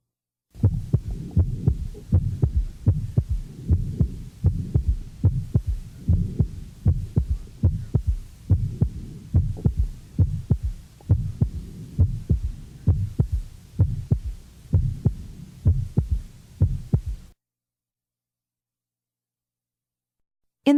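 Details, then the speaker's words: Regular heartbeat with a soft humming murmur between beats, an innocent systolic ejection murmur, from a cardiac auscultation teaching series; innocent heart murmur. "now listen to a normal individual with an innocent systolic ejection murmur"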